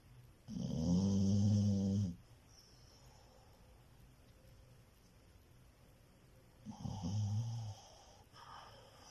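Two low, rattling snores from a sleeping dog, separated by quiet breathing; ordinary snoring.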